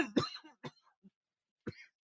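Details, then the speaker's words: Coughing fits the day after tear gas exposure; the speaker has been unable to take a deep breath since the previous night. "And I do apologize, but I am having some coughing fits. But I think it's important that you can hear some of that to know how this experience continues to affect into the next day."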